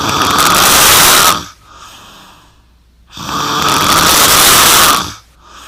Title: I Snore So Loud!!